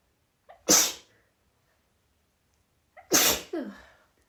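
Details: Sudden, out-of-the-blue sneezing fit in a female, recorded after about five sneezes had already happened: two sharp sneezes, each with a brief in-breath before a loud burst.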